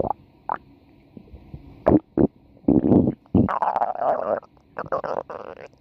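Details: Woman's stomach growling: irregular low gurgles and rumbling bursts of bowel sounds, with a longer rising growl near the end; ordinary stomach growling (borborygmi).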